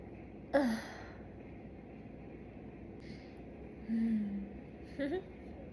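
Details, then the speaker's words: Young woman chugging soda: a few abrupt, short voiced catches with sighing breath between, one like a yawn combined with a hiccup; hiccups. "That was like a yawn combined with a hiccup."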